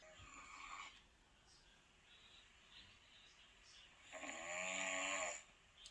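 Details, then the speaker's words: Man's sleep snoring played back from a phone recording, said to be worse after drinking beer: quiet hissing, buzzy snores with a louder snore near the end; snoring. "What's that? There? It's like, sounds like a mouse snoring."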